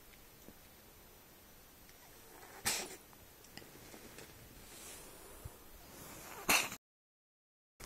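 Two sharp, hissing sneezes from a cat against quiet room noise.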